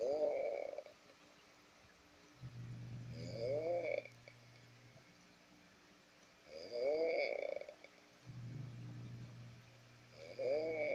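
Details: Sleeping adult man (father) snoring: a steady low droning rattle alternating with a higher whistly breath, about 17 breaths a minute.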